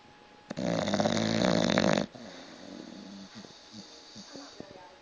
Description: Had to capture this, because its what i have to put up with whilst trying to watch tv. My dog is worse than a human being at snoring.